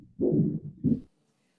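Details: Heart murmur in a valvular heart disease teaching case: two low rushing whooshes in place of crisp heart sounds; aortic stenosis gives a systolic and aortic regurgitation a diastolic murmur, but which is not stated.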